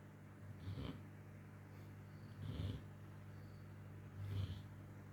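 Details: Low, snuffling snores with short, breathy bursts, about three breaths in five seconds; snoring.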